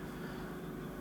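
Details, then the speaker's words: Ear microsuction machine working hard with a full seal on the tubing during endoscopic wax removal from a 6-year-old child's ear: steady loud suction roar with a strained low hum as the wax is pulled free. "the power increases in the tube in the machine it makes it work harder and therefore it can pull it out"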